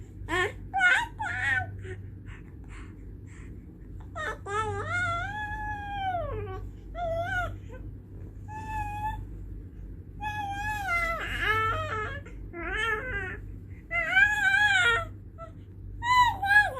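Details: Infant fussing and crying in short rising and falling wails over a steady low rumble, likely an adult man snoring nearby; infant cry.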